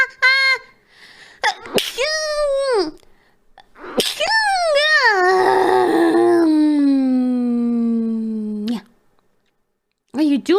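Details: Three sharp sneezes in a row, each followed by a long drawn-out vocal sound; a triple sneeze, described as a real one.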